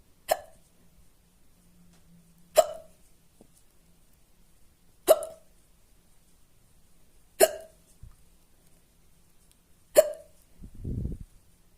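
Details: Loud, fast hiccups after spicy food: five sharp, abrupt hiccup sounds about every two and a half seconds, roughly 24 a minute, in a quiet room.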